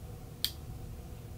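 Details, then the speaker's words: A single sharp click as the coloured base of a Turbuhaler inhaler is twisted one way and then back, showing the dose is loaded and ready, in a COPD inhaler technique demonstration. "صدای کلیک رو میشینید یعنی دستگاه یعنی دارو آزاد شده و آماده است برای استفاده کردن"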